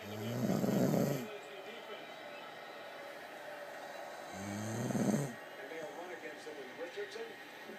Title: Snore A Lot